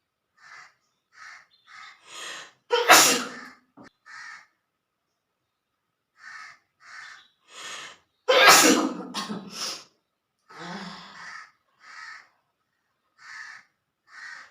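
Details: Two loud explosive sneezes, each preceded by a series of short sharp in-breaths building up; provoked sneezing in a sneezing challenge using long green grass, a handkerchief and spicy cooking.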